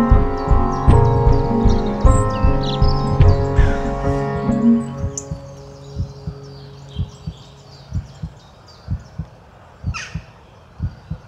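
Music fades out, leaving soft paired heartbeat thumps, roughly 75 a minute, with occasional bird chirps.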